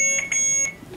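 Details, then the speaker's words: Hospital bedside monitor giving two high-pitched electronic beeps in a quiet room, recorded by a patient after a snowboarding fall with collapsed lung and split spleen, with IVs and chest tube; monitor keeps beeping. "they got me hooked up bro look it is beat this boys isn't that's theirs the next level this thing just keeps beeping"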